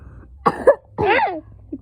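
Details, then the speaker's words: A sick boy with a very bad cough, kept home from school: two short, forceful coughs blending into his voice, in a quiet room. "Yeah, he's sick. He's sick, by the way. He has a very bad cough."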